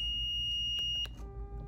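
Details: Zoll defibrillator during a training demonstration, shock button pressed again after an earlier 150 J shock: a high steady alert tone with clicks, then a lower multi-pitch tone; the defibrillator's shock alert.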